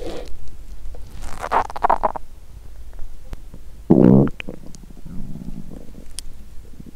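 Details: Woman on a 7-day fast, hungry: gurgling, rumbling stomach sounds in irregular bursts, active bowel sounds (borborygmi) of an empty stomach.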